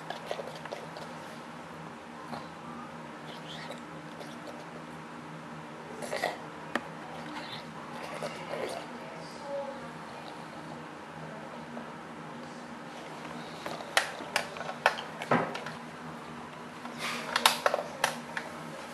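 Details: Hyperthyroid cat with a blocked, snotty nose for a few weeks that has started grinding its teeth after eating. Scattered bursts of sharp clicking and scraping over a quiet room hum. Teeth grinding (bruxism).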